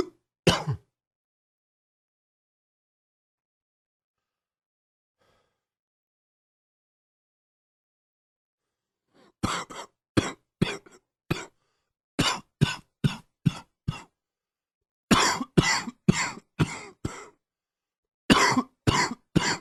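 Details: Adult with an ongoing chest cold: a single cough, then after a long quiet gap repeated coughing in several fits.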